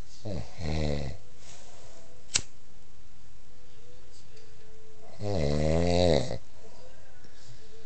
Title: my adorable snoring husband.